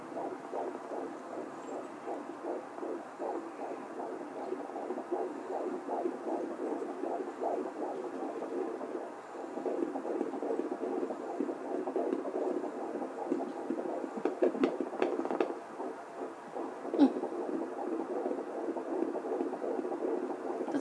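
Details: Twin fetal heartbeats at 14 weeks 6 days of pregnancy on Doppler: rapid whooshing pulses, about 150–160 a minute, with overlapping rhythms, both heard at once (possibly three).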